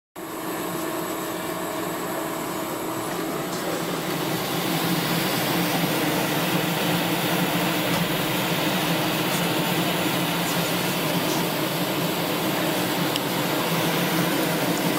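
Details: Steady loud mechanical hum and airflow rush with faint clicks from a veterinary hospital oxygen chamber holding a pet, Dixie; no animal sounds stand out; oxygen chamber running.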